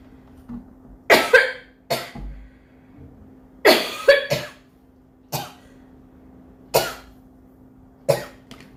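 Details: A Korean girl, a streamer, coughs about nine sharp, dry-sounding times, some in quick pairs, over a steady low background hum.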